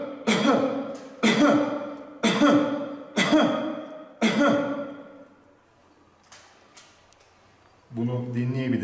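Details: Adult recording voluntary coughs into AI-based software that screens cough sound for coronavirus: five deliberate, evenly spaced, sharp voiced coughs that fade quickly; result given as negative.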